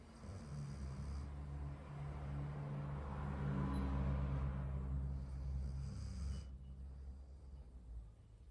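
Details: Golden retriever snoring: long, low rumbling breath noise lasting several seconds over a steady low background hum, from the sleeping dog.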